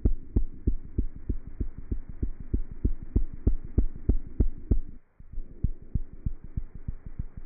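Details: Cat heart sounds through a stethoscope: quick, steady heartbeat thumps at about 190 to 200 beats a minute.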